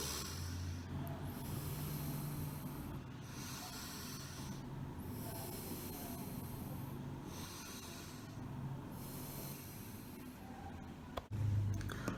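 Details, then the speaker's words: Demonstration of forced inspiration and expiration during a lung auscultation lesson: loud, deep breaths in and out repeated about three times, contrasted with normal breathing: forced inspiration and expiration. "Pero por otra parte, la inspiración y la expiración forzada sería así."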